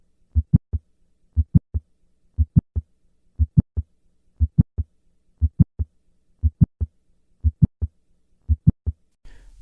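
Regular heartbeat near 60 a minute, each beat with a sharp extra click between the first and second sounds and no murmur: isolated mid-systolic click of mitral valve prolapse.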